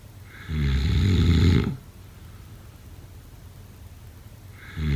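A loud, low, rattling snore lasting about a second, with quiet breathing after it, then the next snore starting. Snoring.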